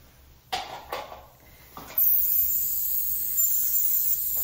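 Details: Ultrasonic (Cavitron) scaler on the root surface of a typodont with no gingiva, not a patient: a few clicks, then a steady, very high-pitched hiss and whine; ultrasonic scaler in operation.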